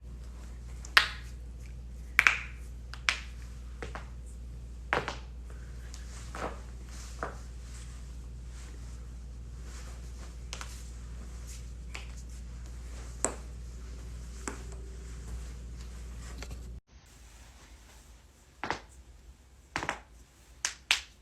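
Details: Joint cracking compilation, tagged for neck and back cracking: sharp, irregular pops and cracks over a steady low hum, typical of harmless joint cavitation.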